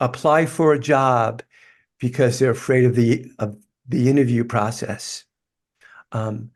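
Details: Adult man who has stuttered all his life, who describes it as a neurological condition that gets tougher when he is tired; stuttering.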